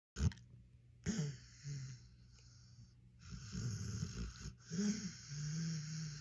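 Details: Sleepy pitbull dog snoring.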